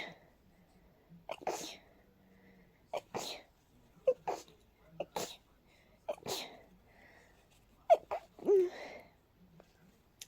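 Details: About eight sneezes in quick succession, each with a short catch of breath, in a quiet room; a rapid sneezing fit in a person with a cold and a stuffy, sensitive nose.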